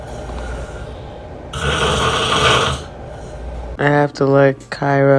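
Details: Dad snoring beside a baby: a loud, rough snore followed by the baby's short vocal sounds in a quiet room; adult snoring.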